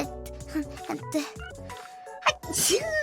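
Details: A single sharp sneeze from a streamer, a sudden burst then hissing outrush with a voiced rise over background music.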